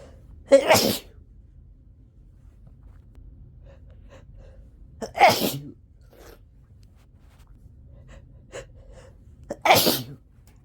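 Three loud, forceful sneezes with a sharp intake before each, spaced a few seconds apart in a quiet room.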